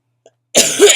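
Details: Acute bronchitis cough in a chronically ill adult with asthma complications, on prednisone: a single harsh, forceful cough after a brief pause.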